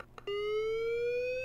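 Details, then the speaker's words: LIFEPAK 20/20e defibrillator/monitor charging to 100 J for synchronized cardioversion, monitoring lead II, therapy electrodes placed on the patient: a few short clicks, then a steady rising electronic charging tone until fully charged. "now it's fully charged and here you can see the energy available if you need to you can cancel the charge before you shock"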